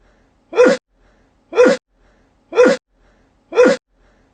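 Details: Pantouf sneezing: four short, identical sneeze bursts about one second apart, about 60 a minute, with quiet between; repeated sneezing.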